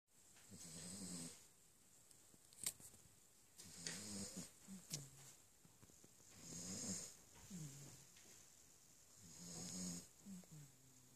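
Soft, rattly snoring breaths from a sleeping puppy, about 20 a minute, with faint room noise.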